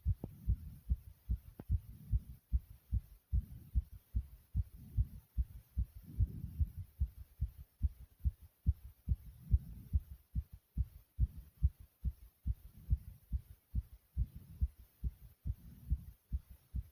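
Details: The uploader's own fast, strong heartbeat: a rapid, regular heartbeat around 140 beats a minute, with swells of heavy breathing in the background.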